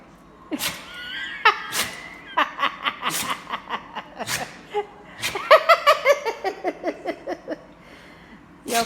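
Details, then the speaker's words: Got into insulation, then sneezes in a funny way; sneezing. "That's why you don't get in the insulation. So that's the hanging. Makes you sneeze."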